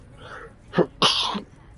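Two abrupt, harsh bursts from an adult, the second longer and noisier, over faint room noise: a dry cough.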